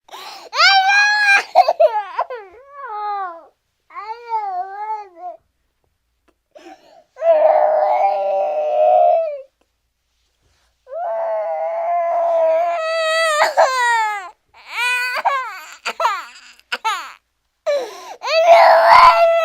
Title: Pinocchio Saban Kashi no Ki Mokku Baby Crying Cartoon Sound Effect